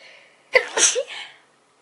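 A single sharp burst of noisy air, then a brief trailing exhale: an ordinary adult sneeze.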